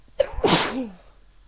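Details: Woman (F) sneezing after taking snuff, in a series of sneezes: a quick breath in, then one explosive, hissing sneeze trailing into a short voiced tail; sneezing.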